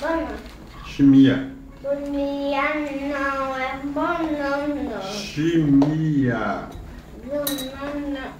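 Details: Young child; speech of a child with a cochlear implant.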